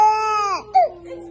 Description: Look how cute he is when he is crying because of his mouth #cute #baby #cutebaby #babyboy